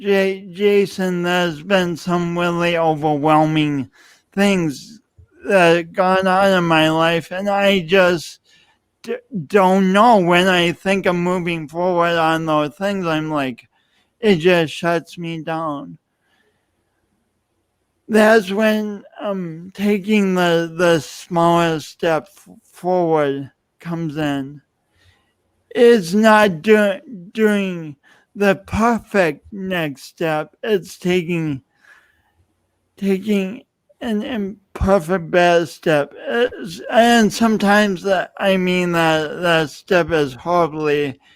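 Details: Adult male speaker; speech impediment.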